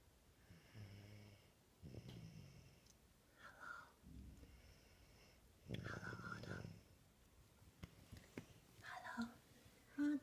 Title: Baby snore